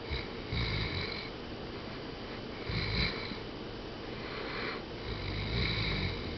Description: My great dane snoring on the couch.